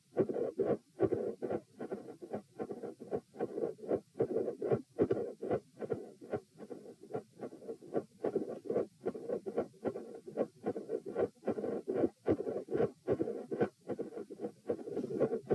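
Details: Heart sounds recorded at position P during provoking manoeuvres (Valsalva lying, standing then quickly lying, lying on each side), with split S1 and S2: a regurgitant murmur after S2, then a quiet spell, then a machinery murmur, with extreme intensity changes.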